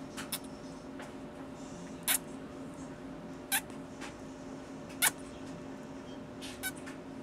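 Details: Baby with hiccups while trying to eat: several brief, sharp catching sounds about every one to two seconds over a steady background hum.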